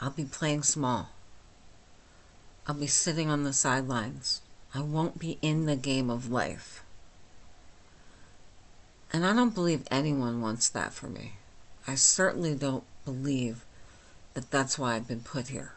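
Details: Adult woman with myasthenia gravis since age 8, with speech and swallowing problems, speaking without her speech appliance; hypernasal speech: myasthenic dysarthria.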